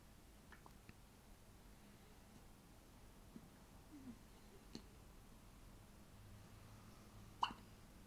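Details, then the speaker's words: An infant's first hiccups, recorded on an iPhone: faint, short hiccup sounds in a quiet room, with one louder hiccup near the end. "Baby, you got hiccups."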